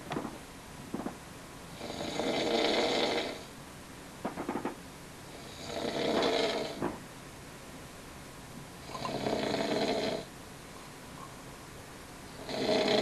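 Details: Person snoring: loud, rough, rasping snores on each breath, about 17 a minute, with quieter pauses between.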